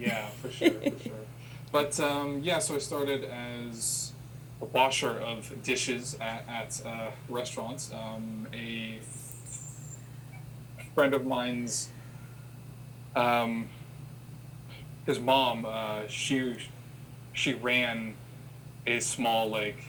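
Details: Adult man who has stuttered since he could talk, had school speech therapy as a child, with father and older brother who also stutter; stuttering.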